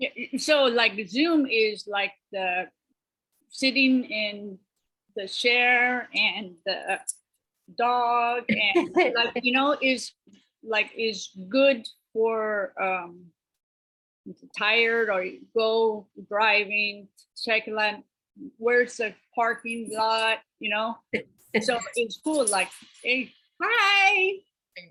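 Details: Adult woman with aphasia after a stroke almost 3 years earlier, with word-finding difficulty: she knows what she wants to say but it does not come out.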